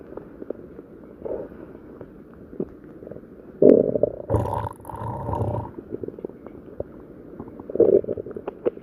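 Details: Low gurgling rumbles in a few irregular bursts over a quiet background; a person's stomach growling (borborygmi) from gas and fluid moving through the gut.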